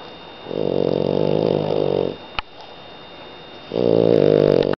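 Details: Two long, loud, buzzing rattly breath sounds with a quiet pause between from a sleeping French bulldog; snoring.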